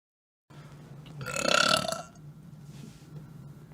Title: burps a lot (Smosh fan compilation)